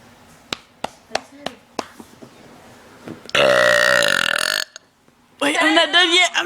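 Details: A person burping: a few faint clicks, then a long, loud, rumbling burp and a second drawn-out burp.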